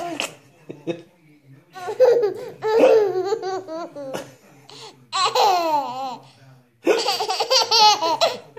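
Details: 10-month-old baby with hiccups, laughing in bursts as a parent imitates hiccup sounds; short, sudden catches in the voice between laughs, hiccups interrupting the laughter.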